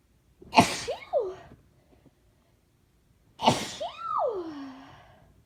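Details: Two sharp explosive sneezes in a row, each with a voiced trailing 'choo', following audible build-up gasps; multiple sneezes recorded on request.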